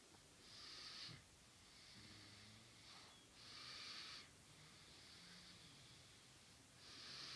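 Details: Light snoring during sleep: soft, hissing, airy breaths at about 10 a minute, with a faint low rumble on some inhalations.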